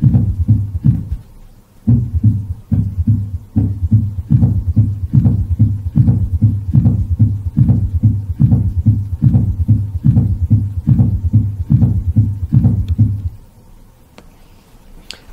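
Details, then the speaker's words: S4 gallop: regular low thudding heartbeat about 72 per minute with an extra soft sound just before the first sound, from atrial contraction against a stiffened left ventricle; not heard in atrial fibrillation. "and again you need to have a choke contraction against a stiffened left ventricle to produce an s4 gallop and s4 gallop sounds as follows"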